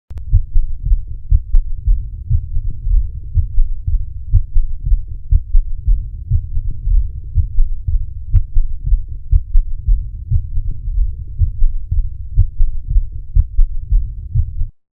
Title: Congestive Heart Failure Sound